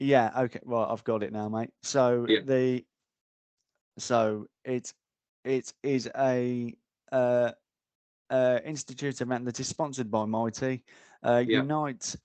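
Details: Adult man, a frontline security officer, described as having a stammer; stuttering.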